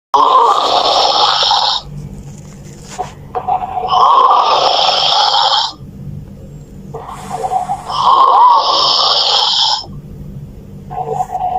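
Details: Heavy snoring: loud, harsh rattling snores about every four seconds, roughly 15 breaths a minute, with quieter low breathing between them.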